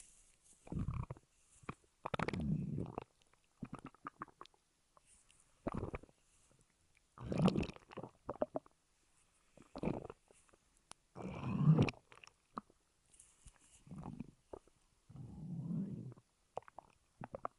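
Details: Stomach growling (borborygmi) recorded over about 3 minutes 5 seconds: irregular low gurgling and rumbling bursts separated by silences.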